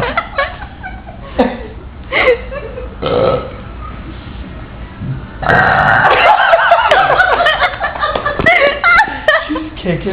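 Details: Two people competing for the best trucker burp after a night out: loud, drawn-out deliberate burps in quick succession, with laughter and talk nearby.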